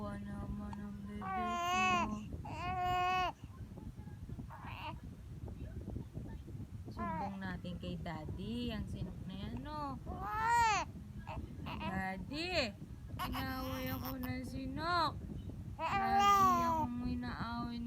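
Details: Infant during their first episode of hiccups: repeated short, fussy cries and whimpers over a steady room hum; an ordinary infant cry.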